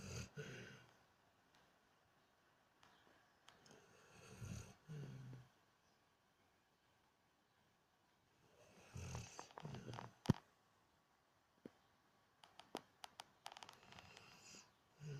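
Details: Low, soft snores recurring every few seconds from a sleeping Weimaraner dog, with faint clicks and rustles in a quiet room; ordinary snoring.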